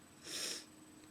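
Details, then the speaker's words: Single short, sharp, forceful sneeze, induced while slightly stuffy; intense, somewhat wet sneezes with spray. "much I don't know if you saw that I tried let me try to spray the computer a little bit ow it's hurting my god there are huge sneezes today"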